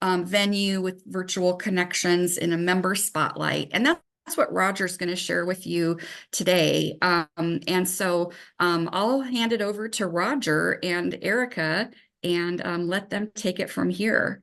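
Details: Adult woman speaking; normal speech.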